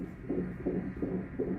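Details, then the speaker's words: A fetal heartbeat on Doppler at 20 weeks of pregnancy: rapid, regular whooshing pulses at about 160 beats a minute. "It's a little heartbeat of baby. It's amazing."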